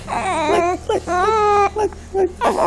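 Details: Short, whiny fussing cries from a 2-week-old baby girl with hiccups who needed burping, a soft adult voice and music in the background; ordinary infant fussing.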